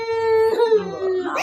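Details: Infant girl: loud, clear, sustained cry with steady pitch that breaks and falls while mother comforts her; ordinary infant crying.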